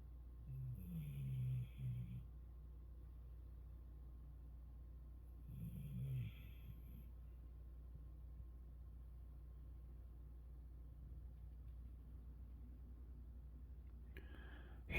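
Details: Sleeping, possibly dreaming, with two soft, rattling snores about five seconds apart over a low room hum, then quiet; snoring.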